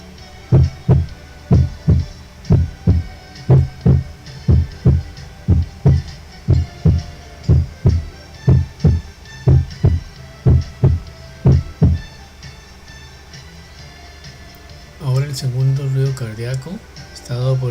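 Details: First heart sound (S1).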